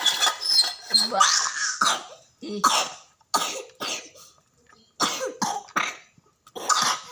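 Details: Toddler twin over 1 year old coughs several short, harsh times while the other twin laughs and babbles; plain cough.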